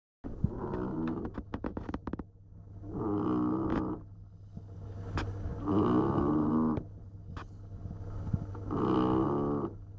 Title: Del boy staffie snoring